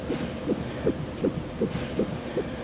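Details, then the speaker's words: Fetal heartbeat on a Doppler monitor in a TV drama scene, checked after the mother reports reduced movements: rapid, even, whooshing pulses at about 160 a minute, normal fetal heartbeat. "let me show you baby's heartbeat that should reassure you [Music] we have a listen down here that's baby's artbeat"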